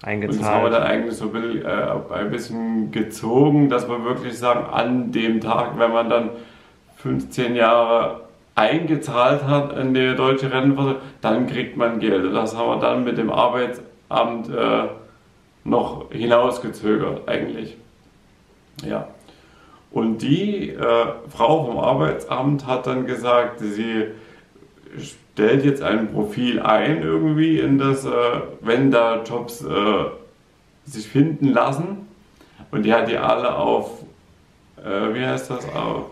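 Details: Adult man with aphasia after a stroke, speaking German in fragmented, partly garbled sentences in a personal vlog; aphasia after stroke.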